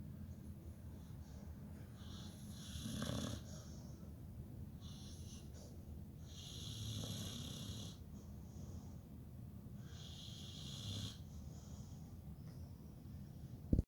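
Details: Sleeping Pitbull dreaming and snoring: soft, breathy snores, about four breaths in fourteen seconds, some breaths with a faint whistle.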